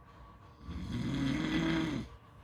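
A single low, rumbling snore lasting about a second and a half over soft background noise.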